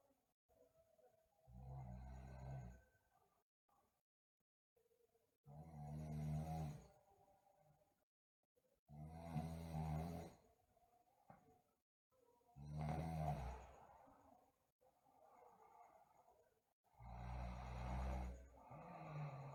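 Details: Sleeping girl, with bruxism also noted: loud rumbling snores recur on each in-breath about every four seconds, with quiet out-breaths between; snoring.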